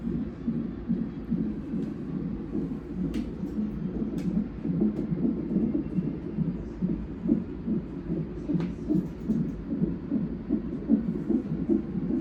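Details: Doppler fetal heartbeat, about 146 bpm, fast rhythmic whooshing pulses, during a non-stress test at 37 weeks of a twin pregnancy; the mother reports the baby moving a lot, a tight belt and belly pressure, and possible contractions.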